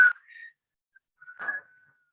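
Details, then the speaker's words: Imitated wheezing: short high whistling tones mimicking the musical, whistle-like sound heard with a stethoscope over the lungs when air passes through a narrowed airway in a patient with breathing difficulty. "el paciente va a tener sibilancias que son las sibilancias son ruidos anormales que se ocultan con el estetoscopio en los pulmones"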